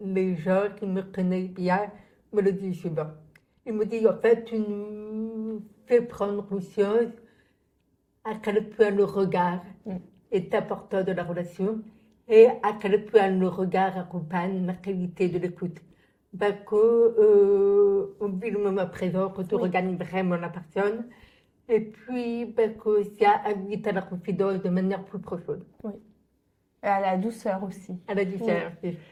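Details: Adult woman, born profoundly deaf (prelingual), raised with thousands of hours of speech therapy, lip-reads, and has been understood by others only since about age 12; deaf speech (prelingual profound deafness).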